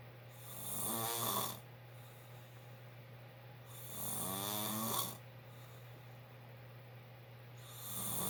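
Two loud, rough snoring sounds on breathing in, about 15 a minute, over a steady low room hum.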